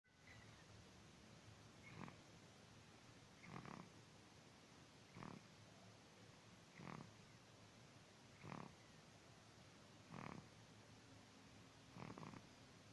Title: snoring